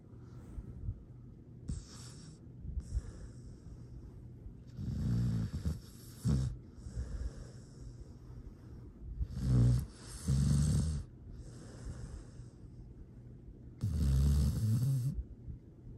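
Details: Sleeping foster rescue dog snores with low rumbling breaths and occasional snorts, about 14 a minute, in a quiet room; normal canine snoring, recorded Dec 13 2022.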